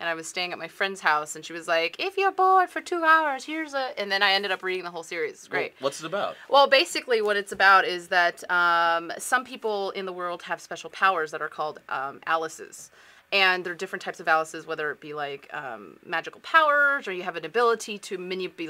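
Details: Adult woman speaking; plain speech.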